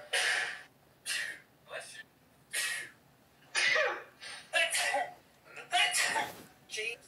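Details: Repeated sneezing: a run of about eight short, sharp, hissing bursts with brief gaps between them.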